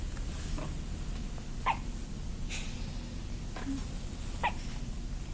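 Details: Baby, an infant, with soft, brief hiccup-like catches recurring every second or two over steady low background noise; squeaky infant hiccups.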